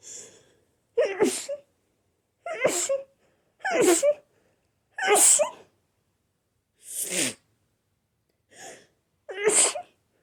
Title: Buildups and big powerful cold sneezes